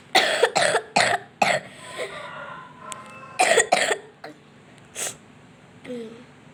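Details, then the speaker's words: Coughing from someone who says they are sick while playing a game; cough. "Guys, aku batuk nih guys."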